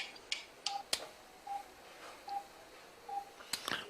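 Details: Right-ear stapedotomy for otosclerosis using CO2 laser and titanium piston: short, evenly spaced mid-pitched laser firing beeps with sharp clicks in a quiet operating room.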